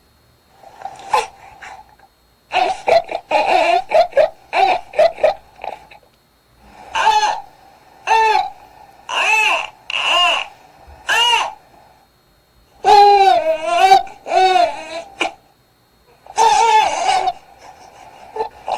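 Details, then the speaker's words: Short, forceful, strained newborn cries in brief impactful bursts, the baby straining from gas and wanting to burp; the mouth may work as if wanting to feed, and the baby sounds stuffy and uncomfortable. "자 요렇게 답답한 소리를 들어보시면 좀 답답해 보이죠 확실히 그래서 아기들이 하고 소리를 많이냅니다"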